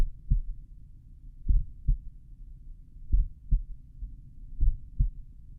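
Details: Slowed stethoscope recording at the mitral area of the speaker's own heart, lying on their back: deep, paired lub-dub thumps repeating steadily; ordinary first and second heart sounds, no diagnosis given.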